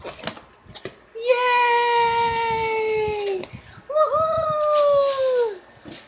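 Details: Girl with whooping cough (pertussis) on her birthday: a few short cough bursts, then two long, high-pitched, strained inspiratory whoops.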